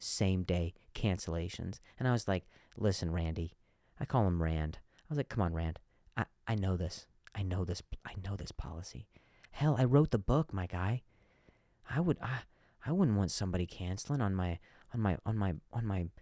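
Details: Adult male comedian who stutters, noting some words are hard for him to say, speaking naturally on his own podcast; stuttering.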